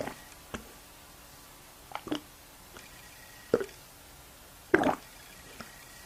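Irregular short squelching pops and gurgles from an adult's stomach, deliberately produced ordinary gut noises.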